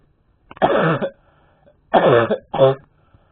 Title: Epic cough